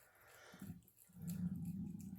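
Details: A brief squelch, then a low gurgling rumble rising and holding about a second, in a quiet room, from the stomach of a person who is fasting: stomach growling (borborygmi).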